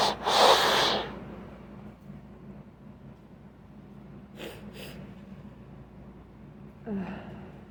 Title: Sneezing and nose blowing